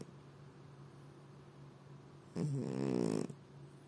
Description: He came to me in the evening, spread his legs and snored like a real man. A snoring cat, that's funny.